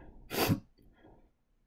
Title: Can I sneeze for you today? sneezing fits (m)